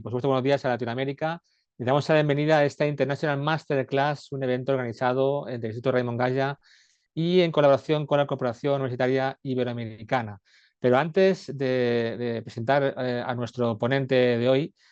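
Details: Adult male speaker; normal speech.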